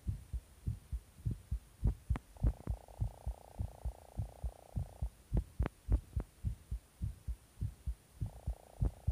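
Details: Fast heartbeat after taking stimulants: steady thumping roughly 100 a minute with a faint steady hum behind it.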